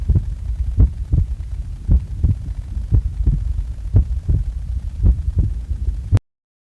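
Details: Normal heart sounds recorded just after waking: paired low thumps repeating steadily at about 56 beats a minute over a low hum.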